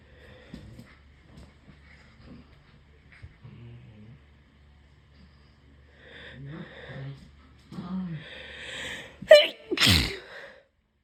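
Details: Sick, congested person who cannot breathe through the nose deliberately induces sneezes to clear the sinuses: quiet sniffs and catching breaths, then two sharp, explosive sneezes close together; dogs bark faintly; sneezing.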